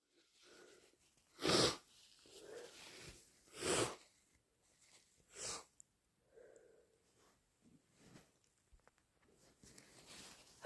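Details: Induced sneezing: three loud, forceful sneezes with quieter nasal blowing and sniffing between them, in a small quiet room.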